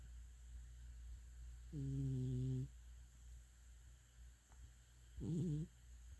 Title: Snoring cat | cat dreaming